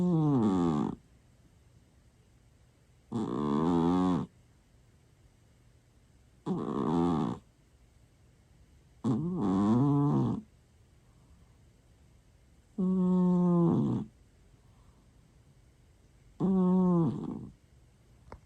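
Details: Sleeping male cat snoring, said to get louder over time: loud, regular rasping snores on each breath, about 18 a minute, with quiet pauses between.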